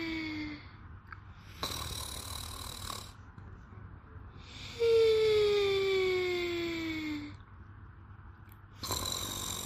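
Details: Maria sleeping: loud, rough snores recurring every few seconds, one with a drawn-out whistling tone; snoring.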